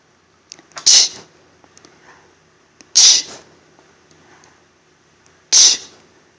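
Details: Person sneezing while reading a book in a quiet room: three sharp, hissing sneeze bursts a couple of seconds apart, each with a quick intake before it.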